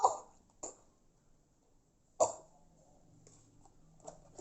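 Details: Nursing-student demonstration of effective coughing exercise with a patient: several short, forceful deliberate coughs separated by pauses, performed to clear sputum from the airways.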